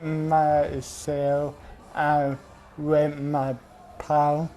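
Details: Young man with cerebral palsy, once mistaken for drunk. Finding: dysarthria (cerebral palsy).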